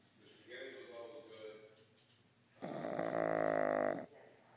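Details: Pug napping, snoring: a soft rattling breath followed by a loud, buzzing, vibrating snore on one breath.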